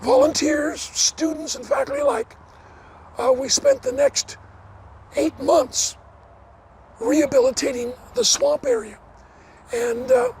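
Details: Adult man with dysphonia after partial vocal cord resection: two bouts of vocal cord cancer, one third of the vocal cords removed in 2008, leaving a raspy voice; never a smoker, cancer probably caused by secondhand smoke.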